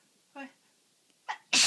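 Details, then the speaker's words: Sneezing during yet another common cold: a short voiced intake and brief build-up, then a loud explosive sneeze. The person has an itchy nose, watering eyes, and uncontrollable, unpredictable, repeated sneezing through the day. "I was trying to say bless me and then a sneeze. God, I'm pathetic. Eyes watering. Permanently sneezing."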